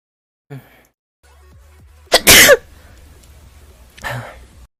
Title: 재채기 모음